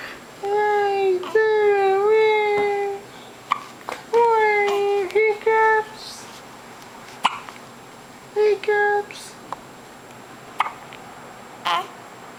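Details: Awake infant hiccupping: cooing and fussing interrupted by several short, sharp hiccups in a quiet room.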